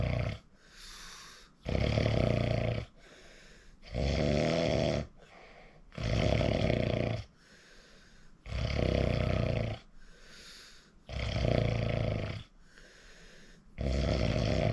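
Loud, rough rattling snores on each breath in, with quieter breaths out, about six breaths in 15 seconds: heavy snoring.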